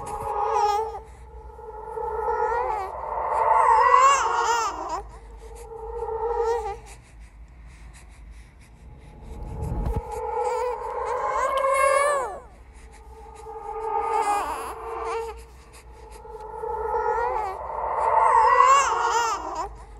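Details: Horror sound-effect recording of a ghost baby crying: repeated rising and falling wails in bursts of a few seconds with pauses for breath; infant cry.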